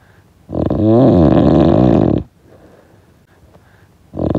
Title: Snoring sound effect